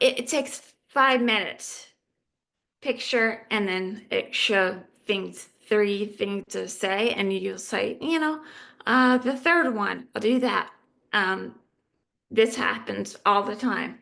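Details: Adult woman living with aphasia; aphasia.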